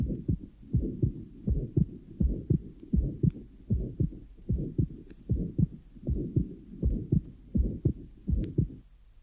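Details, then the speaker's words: Functional tricuspid diastolic flow murmur in a 14-year-old boy with atrial septal defect, recorded at the lower sternal border: heartbeat about 80/min with a soft, scratchy murmur filling diastole, due to increased flow across a normal tricuspid valve. "listen again to the recording of the 14-year-old boy with an atrial sepal defect and concentrate now on diast to hear the scratchy tricuspid murmur which is recorded at the lower sternal border"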